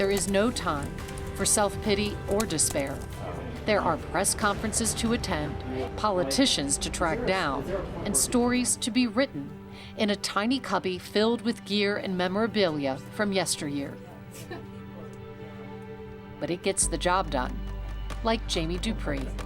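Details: Adult narrator; normal speech.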